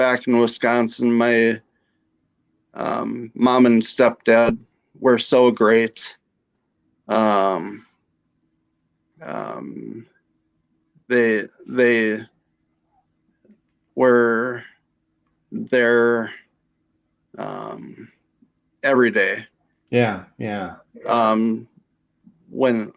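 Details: Female stroke survivor with aphasia after her stroke.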